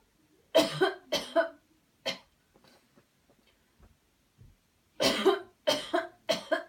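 Two bursts of forceful, harsh coughs, about eight in all, separated by quiet breathing; deliberate coughing to clear the airway.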